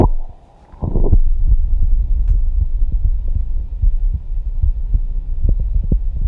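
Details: Live stethoscope auscultation at the tricuspid area after aortic and pulmonary: steady, soft lub-dub heartbeat with some rubbing noise, lub-dub clearer at tricuspid; normal first and second heart sounds.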